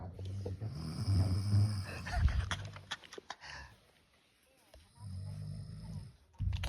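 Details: Low, rumbling, fluttering breath sounds in cycles with quiet pauses between from a cat snoring in sleep.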